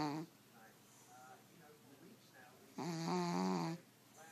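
A sleeping cat gives soft breathing, then a loud, buzzy, humming snore on one breath; ordinary snoring.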